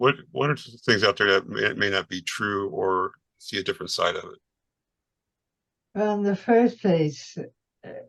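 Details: Adult woman, a retired nurse, with multiple system atrophy, mainly parkinsonian type with some cerebellar features, whose speech symptoms began about two years earlier, who can no longer speak fast and has some days with no voice; dysarthria.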